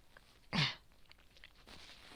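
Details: Worsening respiratory infection of unknown cause with non-stop cough, heavy yellow-green phlegm and sleepless nights, tagged cold, asthma and bronchitis: a single harsh, wet cough burst in a quiet room; productive cough.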